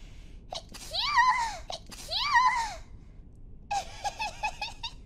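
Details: Two high-pitched, squeaky sneezes, each with a sharp intake first, then giggling, from two people riding a Shinkansen train; sneezing.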